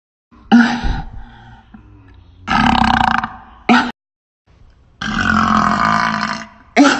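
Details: Burping: several long, loud, voiced belches with short gaps, a series of deliberate-sounding burps.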